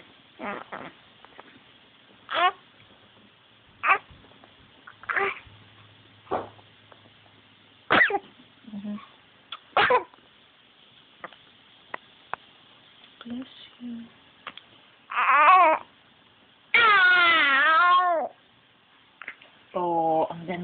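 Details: A run of repeated short, sharp nasal bursts and snorts, followed by a few whining vocal sounds; sneezing.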